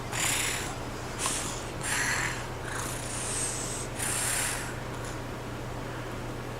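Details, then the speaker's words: Boy asked to lie down and show how he sleeps, imitating snoring: a series of about five short, hissy snorting breaths against a steady room hum. "you snoring right there yeah go to sleep go to sleep snoring yeah you got to lay down and show us how you go to sleep"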